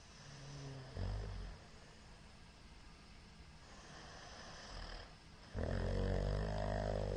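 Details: Middle-aged man's heavy snoring during sleep, short recording from 21 March 2022: low, rough, rattling snores with a louder harsh burst near the end over steady room noise.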